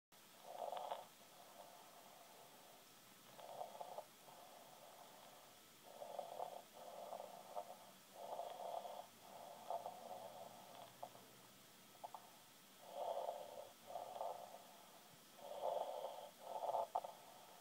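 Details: Snoring that kept the parents from sleeping overnight: soft, repeated nasal snuffling snores in short bursts every second or two over steady background hum; gentle snoring.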